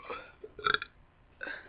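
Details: Deliberate burp experiment after drinking a lot of freshly opened root beer; a short, loud, gurgling belch of swallowed air coming back up.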